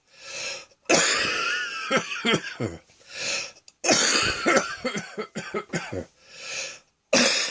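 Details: Afternoon bouts of harsh, wet-sounding coughs separated by long, noisy, faintly whistling in-breaths; cough with wheezing.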